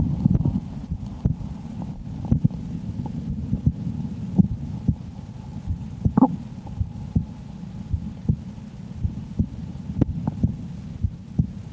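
Steady low heartbeat thumps through a stethoscope at about 70 beats a minute, with faint steady hum behind; regular rhythm at a normal resting rate.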